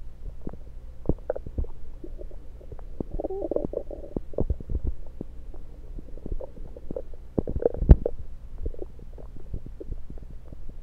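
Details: Stethoscope placed around the belly, mostly demonstrating placement: low gurgles and clicks with frequent stethoscope rubbing and bumps; normal active bowel sounds.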